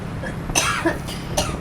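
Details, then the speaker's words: Two short coughs over steady road and engine noise from a person riding home at night with cough and cold they attribute to night wind and seasonal weather change, saying it's not COVID-19. "Ini dalam kondisi ngekeh saya ya batuk ya karena angin malam. cuacalah. Cuaca apa namanya? Eh, perubahan cuaca. Akhirnya saya batuk ya dan pilek."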